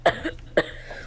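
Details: Two short, sharp cough bursts about half a second apart, a deliberately acted cough in a quiet room.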